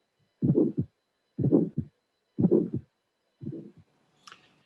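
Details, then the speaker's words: Aortic ejection click with systolic ejection murmur from bicuspid aortic valve stenosis, auscultation teaching test, about 62/min: first sound, early sharp ejection click, harsh systolic murmur, then normal second sound. "you have a first sound ejection click systolic normal second sound so this is a a backups with arctic stenosis"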